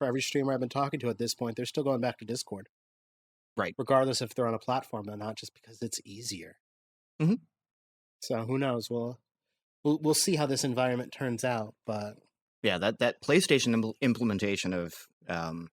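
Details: Adult man speaking; normal conversational speech.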